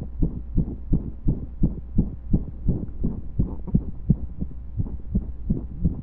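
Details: Heartbeat recorded during pressure and breath holds: fast, steady low thumping over a constant hum, with a few slightly uneven gaps suggesting skipped beats.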